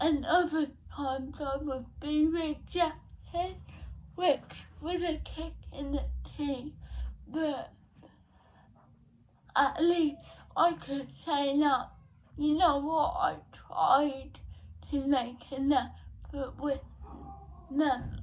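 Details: Dysarthria in a 17-year-old female with cerebral palsy present since birth, diagnosed at 14 months, affecting her speech; speech therapy from an early age.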